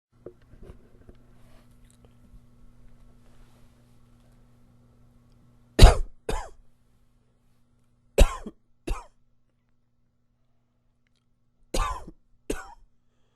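Three pairs of short, sharp coughs separated by quiet pauses.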